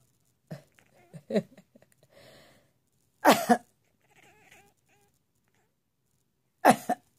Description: telling Granny to stop coughing!